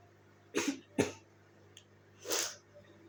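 Two quick coughs, then a softer breathy cough or sniff after a pause; a short bout of coughing in an adult with a cold.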